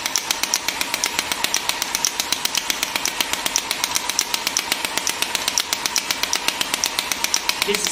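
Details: GINHA HL1602 portable radial shockwave therapy device: rapid, sharp clicking pulses, about 158 a minute, as the handpiece fires during physiotherapy treatment, rotated over one treatment point.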